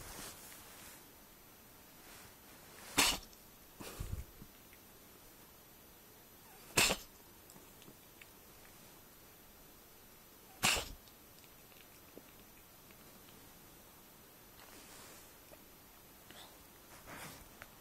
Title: Sneezing Cat - Kýchající kočka